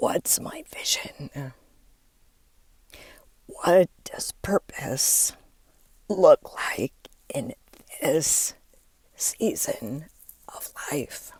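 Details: Adult woman with diagnosed spasmodic dysphonia, onset when her voice started to go and words barely came out while speaking at an event; she links it to stress and says it is still audible as she works through it.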